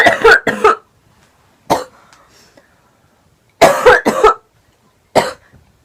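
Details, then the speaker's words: Young woman with a lingering cold, coughing while smoking and without water; repeated dry cough bursts in three clusters, about six coughs, in a quiet room: cough. "I don't have any water to drink, so I'm dying."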